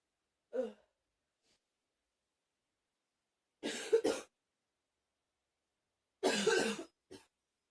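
Three short, dry cough bursts separated by silence, one a quick double cough, then a faint final one.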